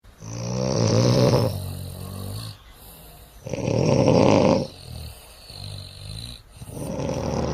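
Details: Adult man (a baby's father) snoring loudly: rattling snores about every three seconds with quieter breathing between, keeping the baby awake.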